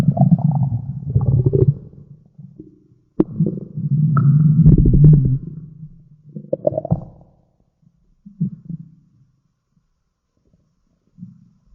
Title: Stomach growl